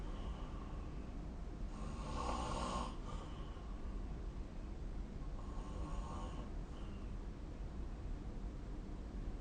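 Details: Snoring recorded with a snore-recording phone app: two rough, rattling snores on inhaling about four seconds apart, over a steady low hum.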